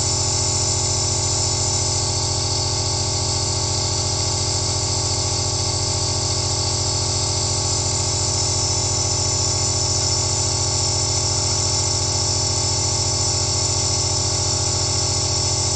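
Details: Running aerosol nebulizer recorded from a first-person perspective as a relaxing ASMR sound.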